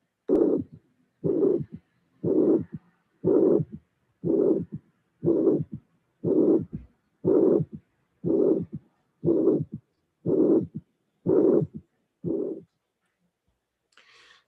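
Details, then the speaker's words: Regular beats at about 60 a minute: a blowing mitral regurgitation murmur, immediately followed by a low-frequency, dull third heart sound. "From This Moment On You will have M agitation and the third sound please appreciate the low frequency sound immediately after the murmur close your ey and concentrate on that"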